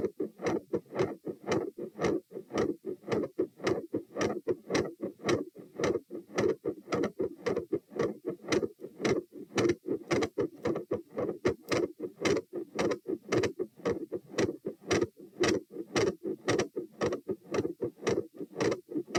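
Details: Recorded at position T while standing, 108–120 bpm: fast, loud, regular heartbeats near 113 a minute with a rough, churning murmur around the second sound; gradually changing S2 murmur and intermittent machinery murmur.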